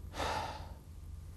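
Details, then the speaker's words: Single deep, airy breath in and out through the mouth, demonstrated on a normal adult man during respiratory examination as the breath wanted for chest auscultation. "when you're osculating it's very important to get the patient to take the sort of breath uh that you want so demonstrate first big breath in and out through your mouth like"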